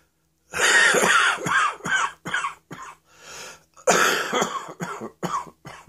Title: Cough Rattle and Roll!